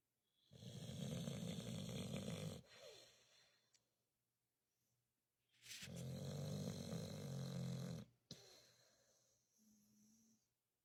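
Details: Sleeping Staffordshire terrier (Staffy, pit bull type) snoring loudly: two long, rumbling, human-like snores of about two seconds each, with quiet breathing between.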